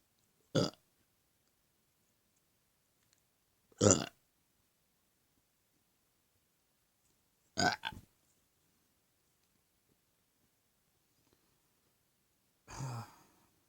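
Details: Adult man gives four short, loud burps a few seconds apart, the last softer and rougher.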